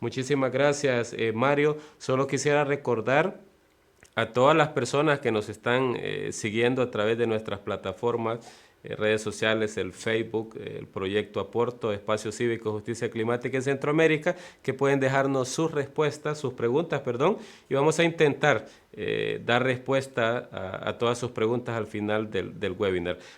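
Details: Adult male speaker; normal speech.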